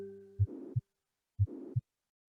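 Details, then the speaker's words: Mitral regurgitation, heart auscultation for large-animal veterinary examination: low heart thumps with a soft, blowing, breath-like murmur filling the gap between them, from blood leaking back into the atrium; pansystolic murmur. "Artinya tadi itu, katup mitralis itu tidak menutup sempurna, sehingga masih ada lubang, itu membuat kalau kontraksi terjadi pada ventrikel, darah itu akan kembali ke atrium. Ya, jadi suaranya kira-kira seperti ini."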